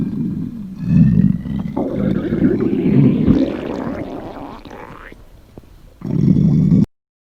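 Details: Staged, imagined scenario of a high school girl who skipped breakfast before a body measurement: long loud low gurgling rumble rising and fading, then a short second rumble; normal hunger stomach growling.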